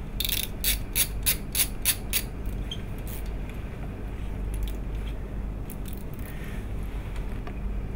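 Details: A quick run of sharp, evenly spaced ratchet clicks, then room noise: a screwdriver driving a pedicle screw into spinal bone during a spinal fusion demonstration with the Xia system.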